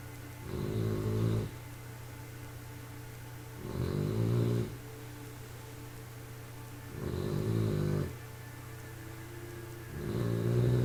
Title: 3 Months old bulldog snoring